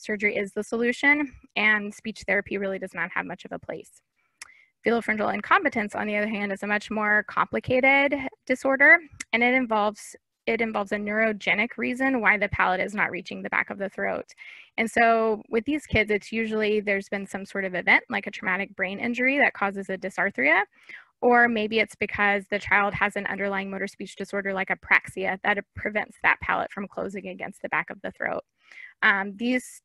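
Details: Adult woman; typical speech.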